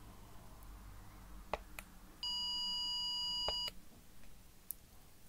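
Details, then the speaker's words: Simulated ASMR pure-tone audiometry with the opposite ear plugged: a steady 1000 Hz tone lasts about 1.5 seconds over quiet room noise, during a right and left ear hearing test. "Now I'm going to present some sounds. Just say if you hear the sound, please. We're going to start at 1000 Hz and 80 decibels."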